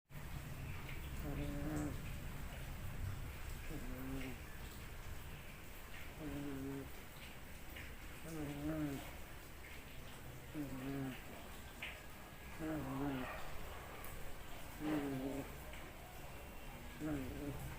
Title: KUCING NGOROK